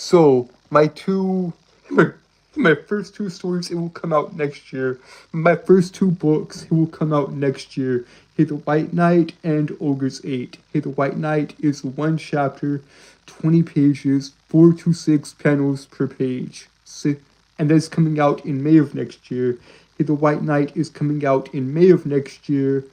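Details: Adult male with a self-described severe speech impediment causing stuttering; this stretch has word and phrase repetitions. Finding: stuttering.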